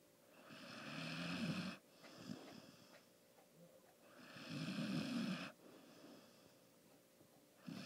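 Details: Sleeping pet snoring, which the owner says was much louder earlier: slow, rumbling snores on in-breaths, about 16 a minute, with quiet breathing between them; ordinary snoring.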